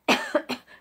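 Three quick, harsh coughs in a short run, with no rattle or wet sound, fitting a dry cough.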